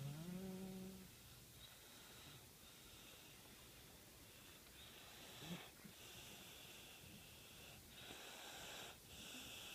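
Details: Adult snoring while napping face-down: soft, irregular rasping breaths with a faint whistle and some room noise; ordinary snoring.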